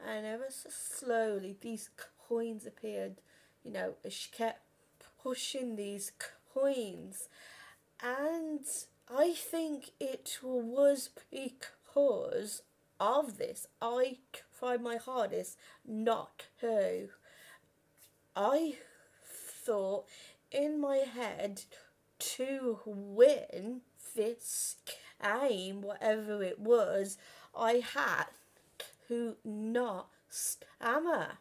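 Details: Real stuttering in a 32-year-old woman who has stammered since about age five or six; had speech therapy and learned breathing techniques at 15; reports still being at her worst on the phone.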